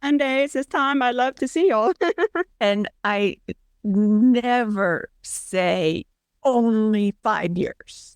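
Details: Aphasia with apraxia of speech in a woman after a brain injury about four years earlier; she reports she can't talk well.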